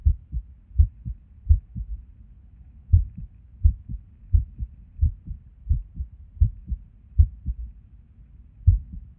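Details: Resting heart sounds recorded at Erb's point while sitting at a desk, often skippy: clear lub-dub about 80 a minute, uneven rhythm with one long pause where a beat seems skipped.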